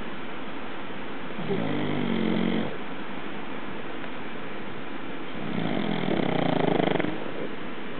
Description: this is vader snoring